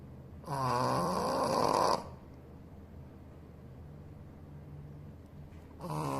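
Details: A sleeping Shih Tzu dog snoring: a loud, buzzing snore on the in-breath, a quieter humming out-breath, then another snore begins.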